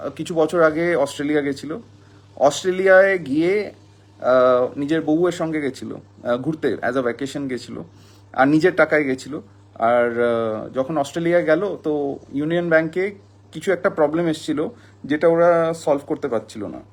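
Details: Adult speaker; typical speech.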